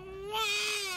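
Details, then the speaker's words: Single loud, high-pitched wail rising in strength from a newborn girl upset at her first bath just after a C-section birth: vigorous ordinary newborn cry. "Yeah, let them know all about your first bath and how mad you are."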